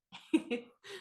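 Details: Two or three short, harsh cough bursts from an adult with a lingering COVID cough, using cough drops.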